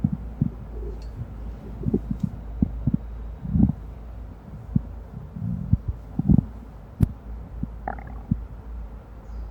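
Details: Amplified recording of human stomach rumbling: irregular low gurgles and short squelching bursts over a steady low hum, normal active bowel sounds (borborygmi).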